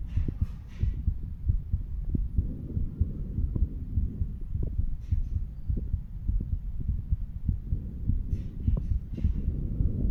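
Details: Stethoscope chest auscultation of a 35-year-old male over the mitral, tricuspid, pulmonary and aortic valve areas in turn: steady, regular low thumps with brief rustles as the chest piece moves; normal heart sounds.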